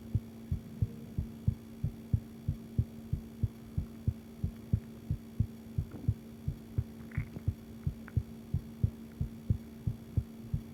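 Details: Self-recorded heartbeat of a female with visible pulse; steady, regular low heart thumps at about 90 beats a minute with a faint steady hum behind; owner asks whether it sounds healthy.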